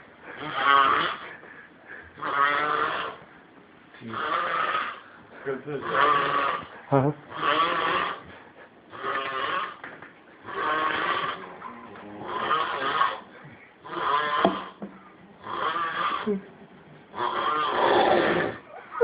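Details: Repeated voiced, bleat-like snores, about a dozen in 19 seconds with quiet gaps, from a man sleeping; snoring.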